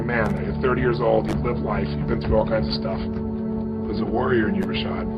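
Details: Adult man speaking; no speech disorder.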